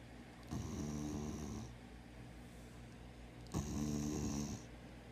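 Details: Sleeping spayed female former street dog, treated for worms and heartworms, eyes open while asleep: two long, rattling, buzzing breaths about a second each with quiet pauses between; snoring.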